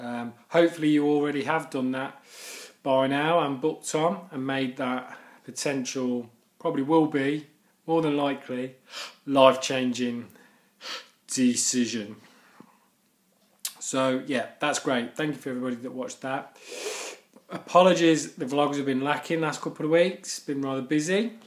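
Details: Adult man who stammers; stuttering (stammering).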